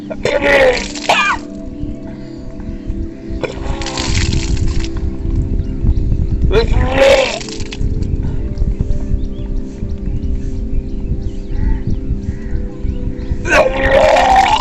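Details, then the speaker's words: Kunjal kriya yogic induced vomiting for acidity: after drinking a stomachful of water, leaning forward and inserting two middle fingers in the throat, repeated gagging retches with gushes of water, over background music. "ऐसे थोड़ी सी position में आ जाएंगे और कि तहत की मजे की जो बीच के जो उंगली है दोनों को गले में फंसा देंगे तो हमारा पानी निकल आएगा"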